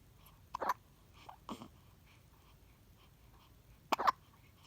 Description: My newborn baby has the hiccups, and he’s not bothered by them.